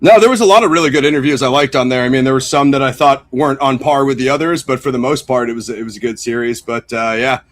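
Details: Adult man speaking; typical speech.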